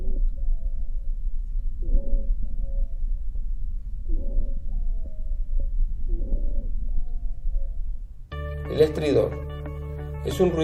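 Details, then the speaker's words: High-pitched, continuous musical sounds produced as narrowed bronchi act like a wind instrument, giving notes of varying pitch; wheezes. "Sibilancias. Sonidos musicales continuos de alta tonalidad. Al disminuir el lumen de los bronquios, se comporta como un instrumento de viento, produciendo un sonido musical de diferentes tonalidades."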